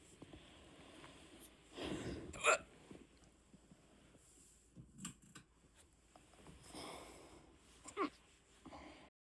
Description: My first ever hiccup video. I’ve been a hiccup lover for as long as I can remember. I honestly don’t get them often, I had a few beers tonight and boom they appeared.